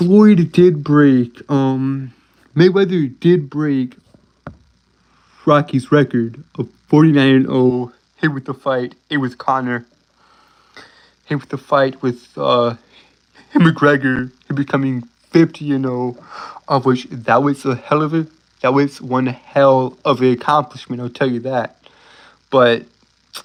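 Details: Male speaker with a self-reported speech impediment he says he cannot control; stuttering.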